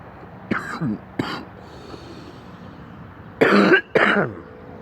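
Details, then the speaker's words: Adult coughing up phlegm mid-talk in a quiet room: four short dry coughs in two pairs, then "That's a little better." "Excuse me. Hang on, I gotta cough something up. That's a little better."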